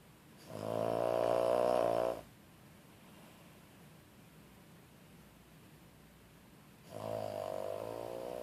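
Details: Pet named Leto knocked out by a quarter of a Tramadol snoring: two long, tonal, buzzing snores separated by a quiet pause of about five seconds.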